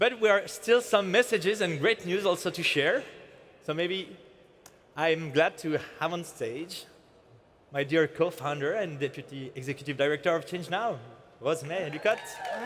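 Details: Adult male speaker addressing an audience; Normal speech.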